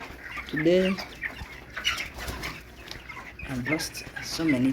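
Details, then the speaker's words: Chickens with chronic respiratory disease (CRD), chicks dying despite treatment: strained, rasping calls with short sneeze-like bursts and clucks; respiratory wheezing and coughing. "well for me I've been going through some days I've been going through some days of CR I think you can hear this sound is wizzing coughing and bad loss"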